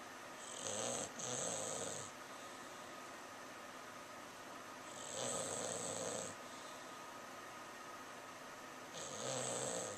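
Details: Sleeping English Bulldog snoring heavily after a busy day, also barking and running in his sleep, recorded with a Flip Video camera: regular harsh, raspy snores about every four seconds with quiet pauses between.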